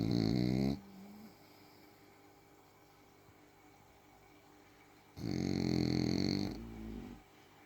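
Two loud, rumbling snores, each trailing into a softer note, with a long quiet pause between them.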